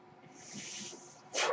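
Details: The speaker's own mechanical ventilator, heard during his podcast recording: a soft airy hiss rises and fades, then a sharper rush of air as the ventilator cycles.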